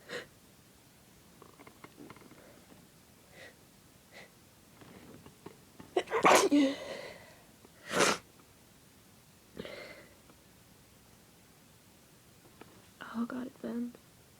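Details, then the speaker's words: Sneezing induced by deliberately sniffing pepper, which burned and tickled the nose: a run of sharp, explosive sneezes with quiet breaths and sniffs between them. "This pepper's making my nose all tickly. I think I'm gonna sneeze."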